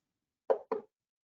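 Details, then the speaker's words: Repetitive nerve stimulation on Cadwell Sierra Summit EMG machine: train of 4 shocks heard as sharp pops from the speaker; response pretty stable. "And then. okay, then we turn down the volume because it'll be loud. We're going to do 4 shocks."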